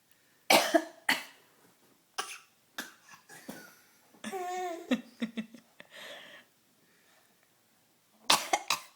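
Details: A child imitating coughing: a series of short, sharp coughs, five or six bursts in all.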